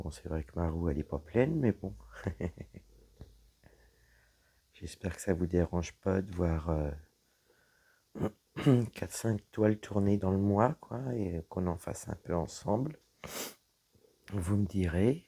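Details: Woman whose vocal cords were damaged by a serious health problem; voice deeper than before, at times little voice, unable to speak loudly; dysphonia from vocal cord damage.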